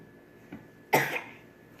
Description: I've been coughing all day. I'm going to make some natural tea with some extras to suppress my cough.